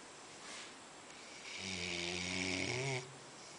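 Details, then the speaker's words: A single noisy, vibrating snore with a whistling edge from a sleeping dog sold as a Labrador, over background hiss; snoring during sleep. "pero estoy conectando estamos hablando y ronca"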